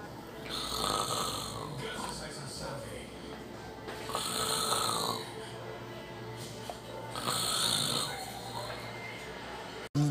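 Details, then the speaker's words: Three loud, rasping snores on the in-breath, about every three seconds, with faint music behind; an acted imitation of heavy "machine-gun" snoring by someone who says he doesn't snore that way. "número 5 la persona que tiene un ronquido tipo metralleta bueno no me sale bien pero ahí va ya que yo no tengo esos ronquidos"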